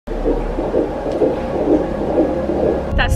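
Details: An early fetal heartbeat heard for the first time on Doppler ultrasound: fast, regular whooshing pulses at about 123 beats per minute.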